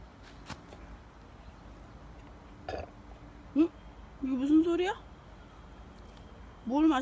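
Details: A Golden Retriever, after eating and playing energetically, gives several loud, drawn-out, croaking burps in a quiet room.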